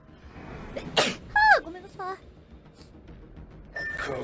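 One sharp, noisy burst followed by brief voiced sounds, consistent with a single sneeze, with faint background noise.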